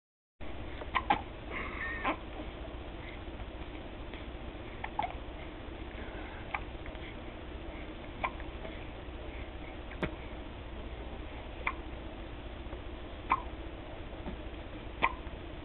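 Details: A girl infant aged about five weeks with a bad bout of hiccups: faint, quick clicks recurring roughly every one to two seconds over steady background noise; hiccups.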